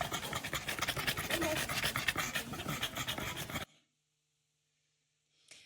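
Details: British bulldog presented to emergency, after IV sedation with butorphanol 0.2 mg/kg and medetomidine 4 mcg/kg: fast, noisy, harsh panting about 230 breaths a minute, then silence; laboured brachycephalic breathing in distress.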